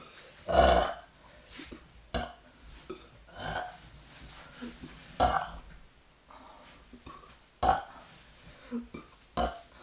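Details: A series of about seven loud and softer belches over ten seconds, with quiet room noise between them; repeated burping.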